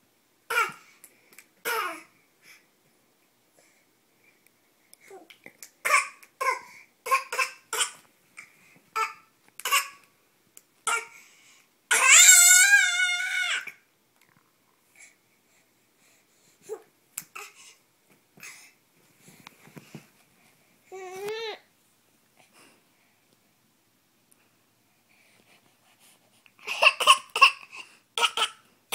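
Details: A young child makes short, deliberate pretend coughs mixed with squeals and babbling; playful fake cough, not illness.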